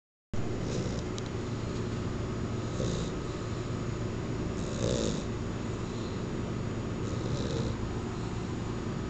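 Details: Very loud snoring from a lazy puggle dog asleep, sounding like a human snore: a loud steady noise with repeated rough, snorting breaths every couple of seconds.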